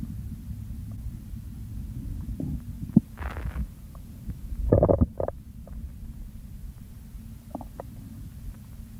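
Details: Hunger stage of a stomach-sounds recording (hunger to overfull, bloating): low rumbling with several gurgles and squelches, one louder burst midway; stomach growling from gas and fluid moving through the bowel.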